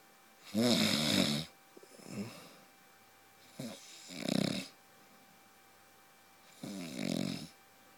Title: My husband snoring like a truck